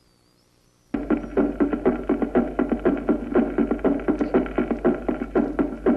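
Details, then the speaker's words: Ventricular S3 gallop: a low-frequency extra sound in protodiastole following the second heart sound. "tercero es ventricular y se sitúa en proto diástole y sigue al segundo ruido y aparece después de la onda t del electrocardiograma"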